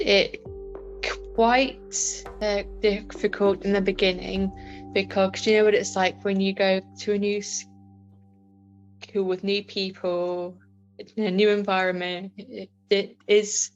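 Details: Adult woman with a stammer; stammering.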